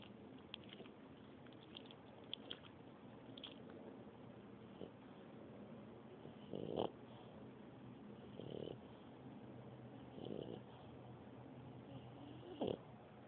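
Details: Animal snoring in sleep: soft, regular rasping snores roughly every two seconds over a quiet hiss.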